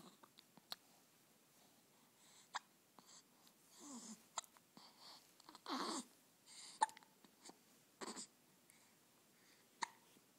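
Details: Hiccups in an almost one-month-old infant: sharp, brief catching clicks every two to three seconds with soft breathy grunts between.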